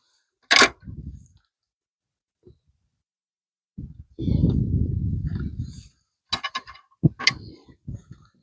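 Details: Dental floating of a 4-year-old stallion that has lost all 12 caps: bursts of coarse grinding rasp strokes with pauses and room noise as the float evens sharp points on the molars.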